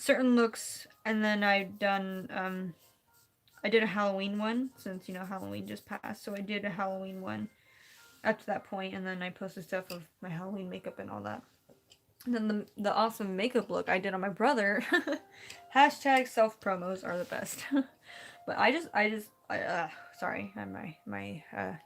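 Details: Stuttering in an adult female who says she stutters when nervous or talking too fast and gets stuck trying to say words. She says it is happening here, and she slows down, so her voice changes or cracks.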